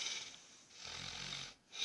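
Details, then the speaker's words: Snoring in a sleeping heavy adult man (180 jin) at midnight, intermittent and rising and falling, sometimes very loud then silent; low rattling buzz on inhalation over steady airy hiss; worsened with weight gain, snores all night, sometimes coughs. "而且我们家的呼噜声属于一阵一阵的，此起彼伏的，一会儿声音特别大，一会儿没有声音，就是这种的。"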